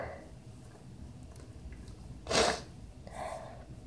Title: sneezing into a towel